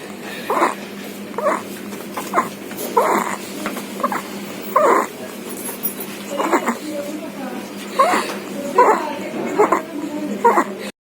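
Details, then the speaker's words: Infant stridor (noisy breathing in throat/voice box): repeated high-pitched, squeaky inspiratory noisy breaths, about 36 a minute. "एक आवाज येतो घशामध्ये किंवा स्वरत्रामध्ये ज्याला Strider असं म्हटलं जातं तो आवाज अशा प्रकारे असतो तर याला स्ट्रायडर असं म्हटलं जातं"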